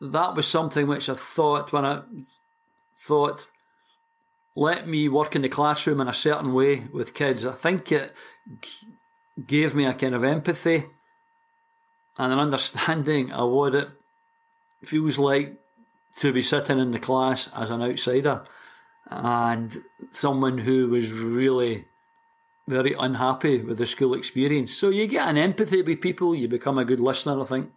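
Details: Stuttering (stammering) in a 60-year-old man from Glasgow, Scotland, who has stammered since about age four, for as long as he can remember.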